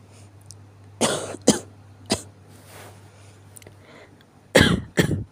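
About five loud, harsh coughs in two bursts with brief throat-clearing between; a morning coughing fit.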